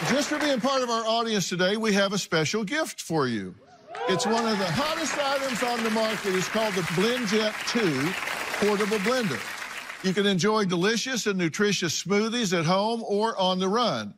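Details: Adult speaker; typical speech.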